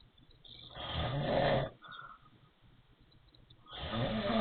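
Loud rattling snores on breathing in, with a thin whistling note as the breath goes out; wheezy snoring.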